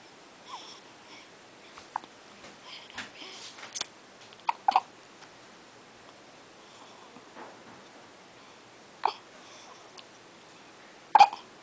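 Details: 5-day-old baby with hiccups: soft babbling and sniffles broken by a few short, sharp catches spaced several seconds apart; infant hiccups.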